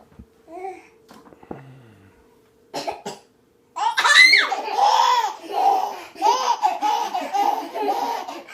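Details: Young child gives two quick, dry coughs, followed by several seconds of bubbly giggling laughter from another young child.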